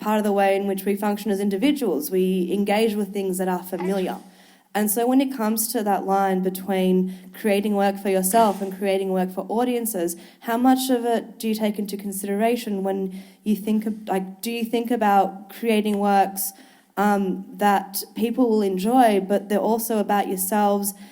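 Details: Adult woman; plain speech.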